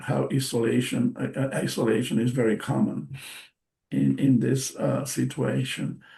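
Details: Adult bilingual man with aphasia after a stroke in March 2020: post-stroke aphasia.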